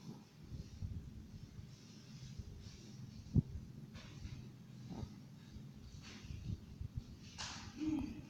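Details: Soft, low rumbling breaths with occasional snorts from a sleeping pet, Timu: ordinary snoring, quiet and fairly irregular.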